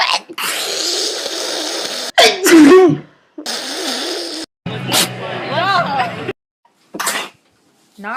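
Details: Several sudden, explosive sneezes mixed with talking and background noise in a sneezing compilation from several people, one saying they are sick.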